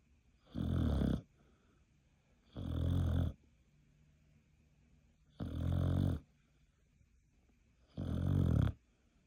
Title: Beagle Dog Sleeping Snore